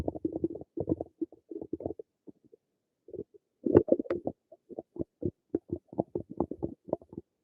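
Bursts of gurgling, bubbling abdominal rumbles with short pauses between them; ordinary stomach noises.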